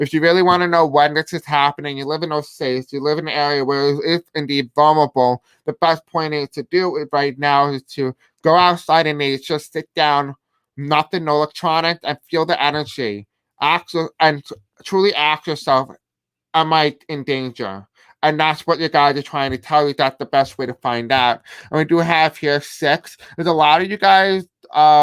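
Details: Male speaker who self-reports a deaf accent and difficulty pronouncing certain words; deaf speech.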